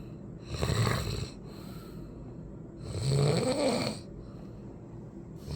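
Two loud, rough breaths about two seconds apart over a low room hum, with a rattling flutter on breathing in: snoring.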